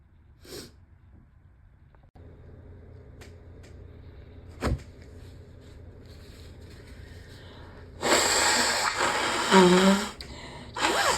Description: the first two days of my cold felt like I was in a constant cycle of sneezing, blowing and stuffy sniffles…I wish I could have caught more sneezes but they had virtually no buildup